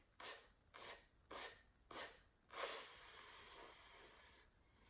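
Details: Speech therapist models the 'pop tire' drill for lisp, including lateral lisp, to move airflow to the tongue's centre: four /t/ bursts then a sustained /s/.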